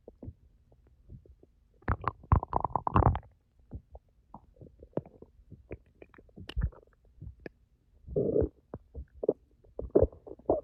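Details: Stomach growling after 10 hours without food, recorded as ASMR: bursts of gurgling and popping bubbles with short rumbles between quiet gaps.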